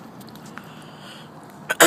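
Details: A person sneezing with eyes open. Sneeze.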